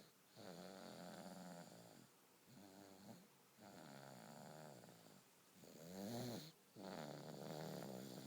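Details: Baby snoring during sleep, about two minutes; snoring.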